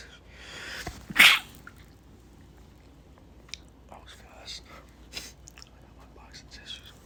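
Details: A stifled sneeze from a male trying to stay quiet: a single muffled, held-back sneeze in a quiet room, followed by soft sniffing and rustling.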